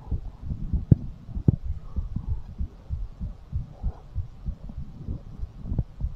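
Rapid, steady low thumping heartbeat, roughly 130 beats a minute; fast heart rate after exercise.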